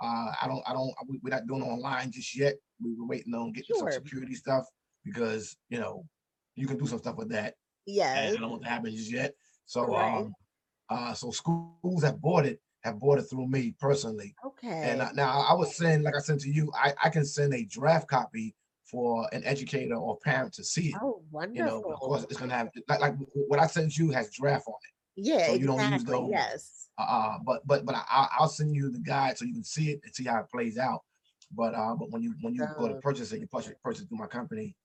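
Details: Adult man who has stuttered since childhood; he describes it as a very serious speech impediment that he still has and that others can hear. Heard in conversational podcast speech. Stuttering.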